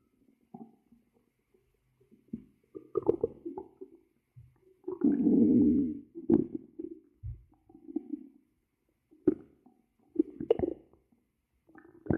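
Low gurgling growls and bubbling rumbles come in irregular bursts, one longer drawn-out growl among them: ordinary stomach rumbling from gas and fluid moving.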